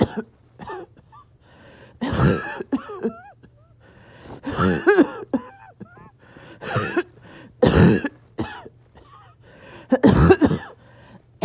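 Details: Person who says they are a little short of breath; repeated harsh, wet-sounding coughs and throat clearing in irregular clusters, with strained voiced noises between, over a low background hum: back-to-back coughing fits.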